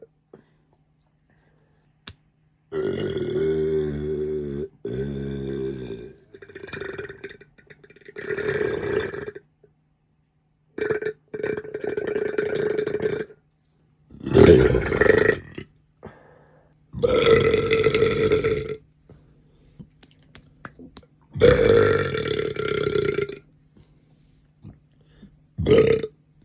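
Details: Adult's loud, long, voiced belches in a series, separated by short pauses, with groaning; eructation.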